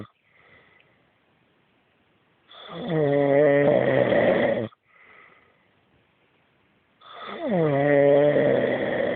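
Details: Husband snoring loudly every night: loud, rough, vibrating snores on each breath in, quiet breaths out between, about 13 breaths a minute; heavy habitual snoring.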